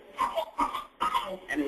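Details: Whooping cough (pertussis).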